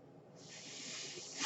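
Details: A soft, steady hiss of rushing air builds and holds about a second as a man's own ventilator delivers a breath while he records a spoken podcast: mechanical ventilator breath cycle.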